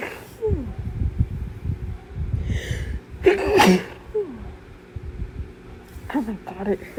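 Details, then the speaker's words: Bout of forceful, repeated adult sneezes with sharp inhaled catches and gasping between, some attempted stifled; sneezer says it hurts and is very intense; low rumbling room noise. "it hurts so bad. very tense. Honestly, probably have never sneezed like this in my life. But hey, at least it works."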